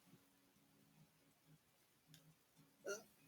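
A single short, sharp hiccup near the end against quiet room noise.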